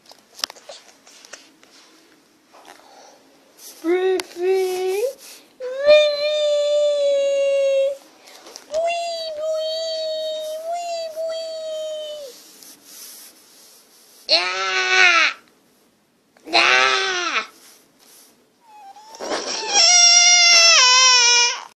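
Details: High-pitched infant cry in drawn-out wails and short rising-falling bursts, separated by brief pauses.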